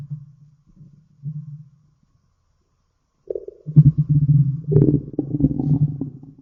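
Low rumbling and gurgling from the belly, a brief quiet gap, then a longer bubbling growl. Ordinary stomach growling.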